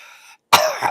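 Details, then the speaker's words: An adult imitates another adult's cough, described as pulling and hurting her bad back: a single abrupt, rough cough burst with a strained, groaning tail. "Look, Grandma, let me tell you the way Tammy coughs. She goes, oh! When I cough, it pulls my back and it hurts my back."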